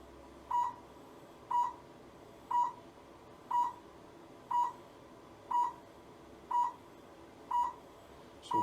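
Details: Therapy laser applied to the lumbar area of a patient with low back pain at a chiropractic clinic, after alcohol prep: regular short mid-pitched beeps about one per second; therapy laser beeping.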